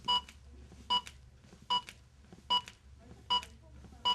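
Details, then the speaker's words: A Zoll AED Plus Trainer2 in a training scenario after the shock is delivered, with the CPR metronome on: steady electronic beeps at about 75 a minute pacing chest compressions while the instructor prompts harder pushing. "used during the CPR interval while the trainer 2 unit is beeping in a scenario with the CPR metronome on"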